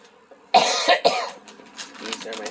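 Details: Adult with a common cold, stuffed up and sweating it out, coughing often during a shopping haul: a couple of harsh, rough coughs followed by quiet speech.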